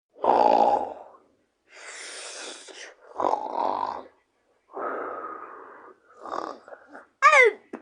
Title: Snoring Sounds